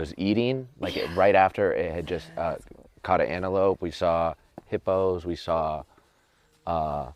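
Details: Adult man speaking; Normal speech.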